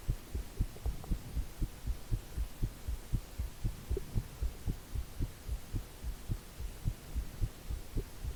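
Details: Regular, soft low thumps of a normal adult heartbeat, recorded alongside a visible neck pulse, under steady white-noise hiss from a new recording method.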